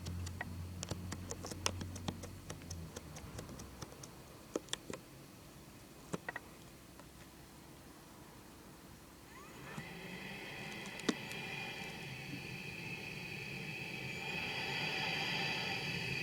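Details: CPAP machine from 2007 switched on: clicks and handling noise, then the blower starts and its airflow hiss builds as pressure ramps from low to the prescribed level.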